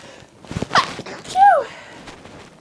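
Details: Breathy build-up, a short forceful sneeze, then a voiced exclamation, with light outdoor background noise; one of many loud, uncontrollable sneezing fits from a person with a cold.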